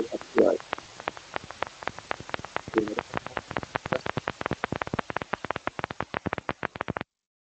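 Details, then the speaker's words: EMG speaker sound: rapid regular clicks and dull pops, a mix of positive sharp waves and fibrillation potentials from membrane instability, recorded with the needle pressing on fibers. "Hay una combinación de agudos positivos con fibrilación. Generalmente es lo que se ve"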